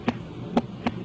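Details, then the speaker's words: Normal heart sounds: only two sounds, S1 and S2, heard as "lub-dub". "Tadi kita tahu semua bunyi jantung normal itu bunyinya cuma ada 2, bunyi jantung 1 dan bunyi jantung 2, seperti ledep-ledep tadi, dan semua bunyi setelah itu adalah abnormal."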